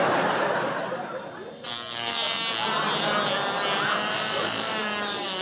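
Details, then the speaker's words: High, steady whining buzz imitating a dental drill, produced by a comedian with a cheap gadget as a live comedy sound sketch, not a real dental procedure. "Die können sich jetzt gerne zurücklehnen und wer sich wiederfindet, kann auch gerne Aua schreien. Oh, da müssen wir wo bohren!"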